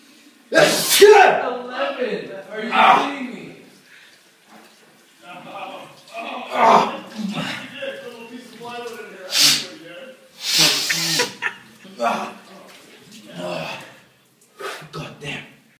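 Several sharp, explosive noisy bursts with voiced sounds between them, fitting a run of repeated sneezes.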